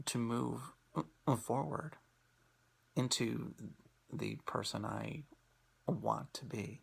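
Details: Person who stutters, presenting on acceptance and commitment therapy (ACT) for stuttering; stuttering.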